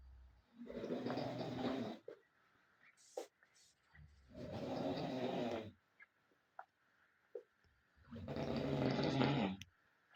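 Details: Loud, rough, rattling snores on inhalation, about 16 a minute, with quiet pauses and small clicks between breaths, from sleepers in a cold shared room around 1 a.m.; described as a snoring competition.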